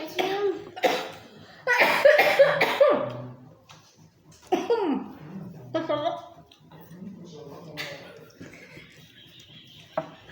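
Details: Several sharp bursts of coughing, mixed with talk and laughter in a small room, from a mother irritated by very spicy rujak with pineapple, water apple, kedondong and crystal guava; cough.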